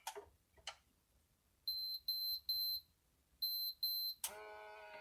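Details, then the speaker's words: Wrist digital blood pressure monitor, cuff wrapped over the front of the wrist, start-up after pressing the button: a few clicks, short high beeps and buzzing hum as it begins pumping air. "And then you just wrap it around, and then you push the button, and the screen will flash."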